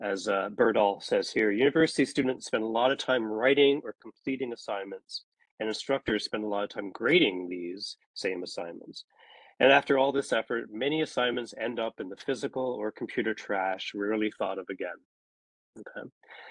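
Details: Adult male speaker; ordinary speech.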